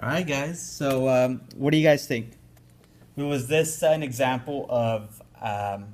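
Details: Adult speaker; ordinary speech.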